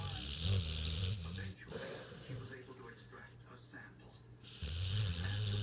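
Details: Someone sleeping and snoring: low, rumbling, fluttering breaths at the start and end, with a softer stretch between them.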